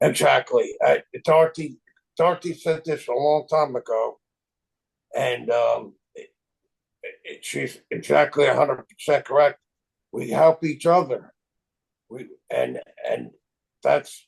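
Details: Aphasia from stroke in an adult male, 25 years after the stroke; chronic post-stroke aphasia.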